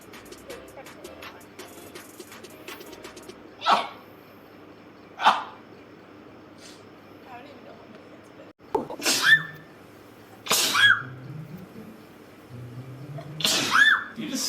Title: girls sneezing rapidly. #7.|| rapid sneeze